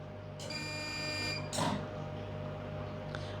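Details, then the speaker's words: Hestia-S CO2 fractional laser, face resurfacing demonstration by an aesthetic nurse, one test shot on the patient's face: a steady electronic buzz for about a second, then a short hiss over constant machine hum. "I'm just going to do one test shot for Sally just to make sure she's okay."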